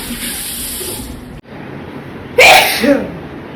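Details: Single loud, explosive sneeze after a stretch of steady background hiss, trailing into a brief breathy release, in a sneezing and nose-blowing challenge.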